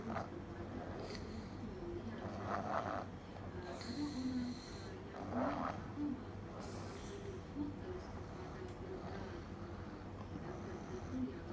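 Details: Snoring in a sleeping toddler aged 1 year 7 months: soft, rough rattling noises with each breath over steady low room noise.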